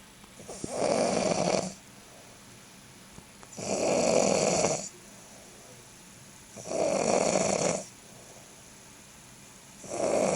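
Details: Adult man (the best man) asleep, about 30 minutes before leaving for the airport; loud rattling snores on each inhalation, regular at about 20 per minute with quiet pauses; snoring likened to a 747 jet.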